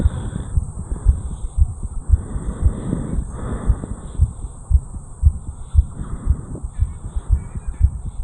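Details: 34-year-old male, fast heartbeat recorded at the mitral area after jogging up a flight of stairs; quick, regular, strong thumps about 115 beats a minute with rustling noise, sinus tachycardia after exercise.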